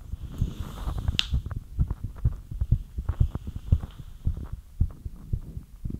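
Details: Fast, deep thumping heartbeat after light exercise, roughly 120–130 beats a minute, with some rustle and hum; a fast but normal heart rate.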